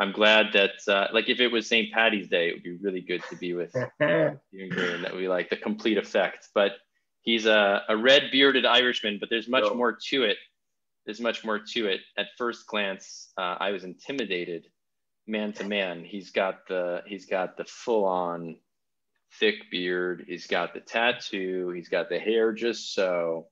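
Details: Adult man; normal speech.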